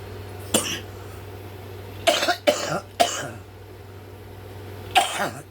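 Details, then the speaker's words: Adult woman with heart failure and edema, oxygen saturation 83% that morning, on double-dose Lasix; five harsh, congested coughs in short bursts as fluid builds up again. "The coughing that you're hearing and listening to that congestion coming in, that is my heart not working properly, and it's sending the fluids in the wrong places, and it's, you know, starting to build again."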